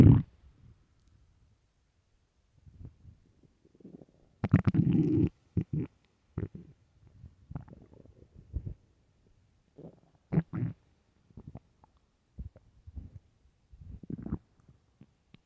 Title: am I hungry? (stomach growls)